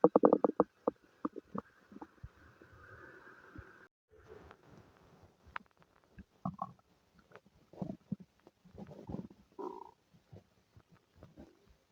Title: Stomach noises, Diarrhea and farts :3